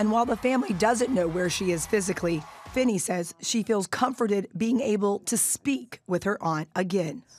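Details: Adult woman, news narration; no disorder.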